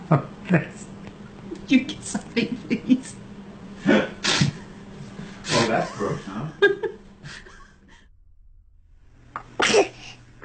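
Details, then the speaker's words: Several small, quick sneezes from an infant girl who is sitting up, amid adult chatter and room hum, with snot afterwards; ordinary baby sneezes. "Pull that leg up and it's Oh, you got to sneeze."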